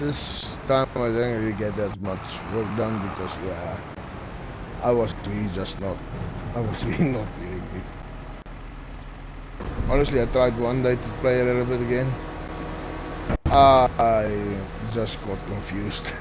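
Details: Male speaker who stutters, reporting his stuttering is worse than usual after a triple ear infection over the past two weeks; stuttering.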